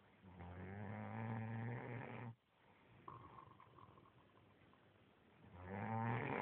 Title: snoring